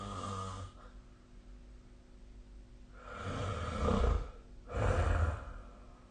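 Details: Nightly snoring recorded with the SnoreLab snoring app, 2025/03/03; deep, rough snoring in repeated breaths over a steady low room hum; ordinary snoring during sleep.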